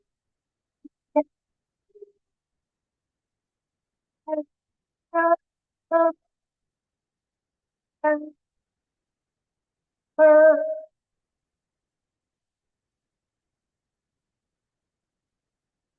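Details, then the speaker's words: Agitated young girl, not toxic-looking, with croup (subglottic airway obstruction): noisy breathing with stridor predominantly on inspiration, heard every time she breathes in. Inspiratory stridor. "I want you to notice the the phase of respiration that the child has the noisy breathing. The strider is in an inspiratory phase predominantly. Every time she breathes in, she's got strider."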